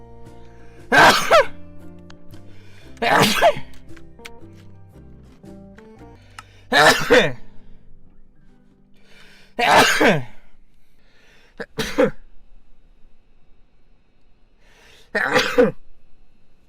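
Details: Six loud sneezes in a row, some over quiet background music; sneezing.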